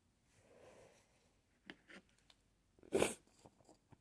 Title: Teasing induced sneezes, buildups, and attempted stifles